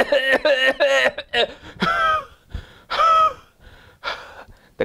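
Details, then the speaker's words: Imitated short voiced coughs followed by strained, tonal gasping breaths, demonstrated by a homeopath as a cough that precedes an asthma attack; wheeze-like sound. "I shared with you the cuff precedes the asthma of cassia"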